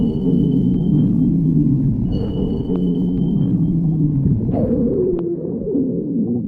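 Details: Hunger stomach growling: low, drawn-out rumbling and gurgling with shifting groan-like pitch; borborygmi.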